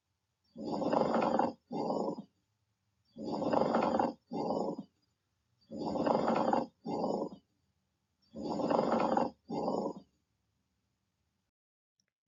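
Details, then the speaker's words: Pleural friction rub: rough, scratchy, grating creaks with each breath in and out, like sandpaper rubbing, typically heard in one place, from inflamed pleural membranes rubbing together. "they can make this rough scratchy sound it often described as sandpaper rubbing against itself typically it is only in one place"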